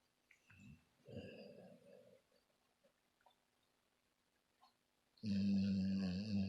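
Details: Sleeping subject, described as dreaming, making soft grunts and snuffles, then one loud, buzzy, rattling snore near the end.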